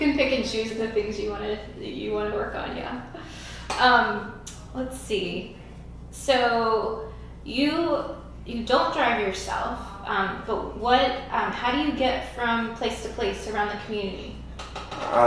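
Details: Adult woman speaking (interviewer); typical speech.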